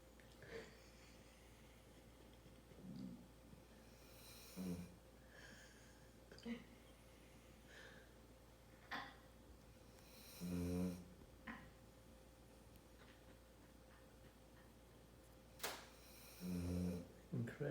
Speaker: snoring dog. Happy Mm. and very content.